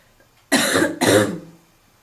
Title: Girl coughing 98